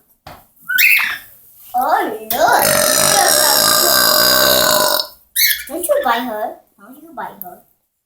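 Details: Pet bird imitating burping: short chirpy calls, then a long, loud, rough belch-like sound and more burp-like calls.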